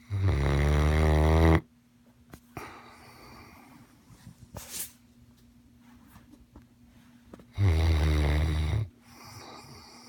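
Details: Snoring mastiff: two loud, deep, vibrating inhaled snores about six seconds apart with soft breathing between; heavy snoring in a large dog.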